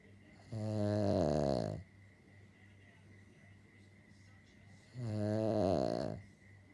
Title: Our Dog Harry snoring.